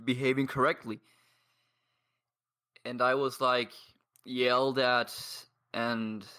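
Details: 22-year-old man who has stuttered for as long as he can remember, reporting blocks and difficulty speaking; surrounding speech contains pauses and blocks; stuttering.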